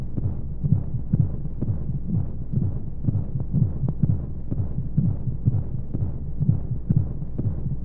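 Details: Baby sleep-aid womb sound with white noise: regular soft low heartbeat thumps, roughly 125 a minute, over a steady rushing hiss, as heard through the womb.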